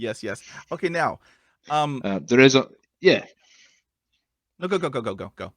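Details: Stuttering (stammering) in an adult man whose stutter began at about age five and who experiences blocks.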